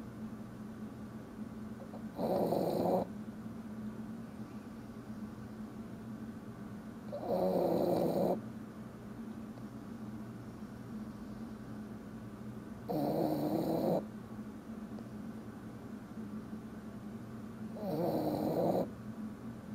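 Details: Tired dog snoring in sleep: four rough, vibrating snores evenly spaced about every five seconds, roughly 12 a minute, over a faint room hum.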